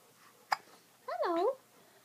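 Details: A baby's hiccups during a lazy day: one sharp, brief infant hiccup followed by a short voiced whimper.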